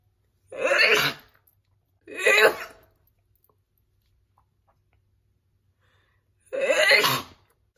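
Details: Woman's big, loud sneeze attack: three forceful sneezes in a row separated by quiet pauses; a sneezing fit.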